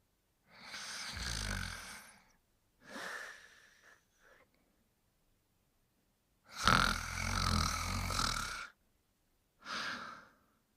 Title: Duke Sleeping & Snoring